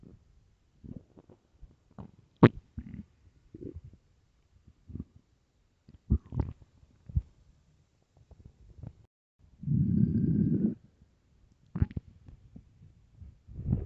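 Irregular gurgles and pops with one longer rumbling growl; ordinary stomach growling of an empty stomach.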